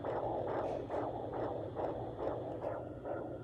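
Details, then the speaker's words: Fetal heartbeat on a home Doppler at 39 weeks pregnant, baby found on the mother's left side: rapid, regular whooshing pulses, about 140 beats a minute; mother reports the heart rate is normal. "this is the baby's heartbeat so when you're doing it you want to make sure it sounds like that because it does have like a bit of a distinguished sound"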